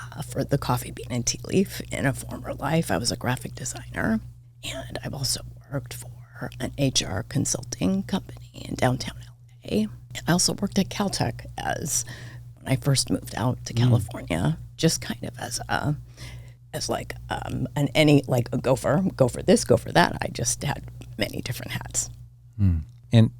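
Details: Adult woman with spasmodic dysphonia diagnosed this year, involving vocal cord spasms; she attributes it partly to voice overuse from podcast hosting and to stress, and says it seems to be occurring during this real recorded interview: spasmodic dysphonia.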